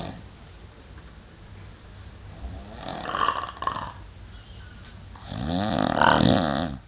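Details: Sleeping person: rough, rattling breathing ending in a louder, drawn-out snore in a small room; loudness builds over time, and the recorder questions whether breathing nearly stops at one point.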